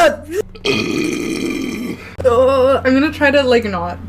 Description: burp compilation